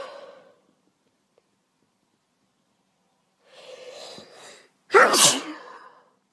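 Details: Female sneezing, attributed by her to cat allergies: breathy build-up then one strong, explosive sneeze, with the tail of an earlier sneeze at the start.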